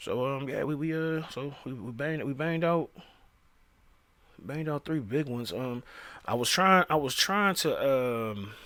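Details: Male speaker who says he stutters, speaking with repeated phrases; stuttering.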